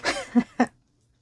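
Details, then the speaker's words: An adult woman with seasonal allergies whose only symptom is coughing, using a cough drop, gives three short dry cough bursts in quick succession; allergy-related cough. "The cough drop is helping me, but yeah, it's just sometimes it sneaks up to you and you think, oh, yep, I'm gonna cough."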